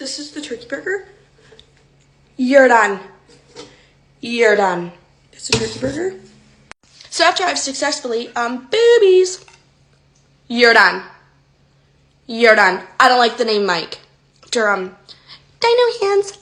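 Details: Woman with Tourette syndrome; vocal tics, including involuntary swearing and insults, interrupt her speech.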